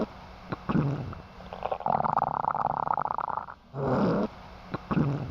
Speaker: Hyperactive bowel sounds are loud, continuous, high-pitched, rushing, and tinkling sounds that signal increased motility. They sound like this.